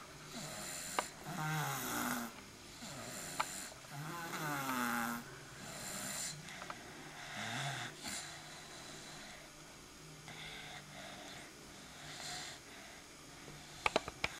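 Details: Snoring.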